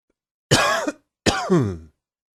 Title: Coughing 38